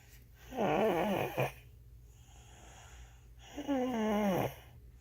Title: Snoring Baby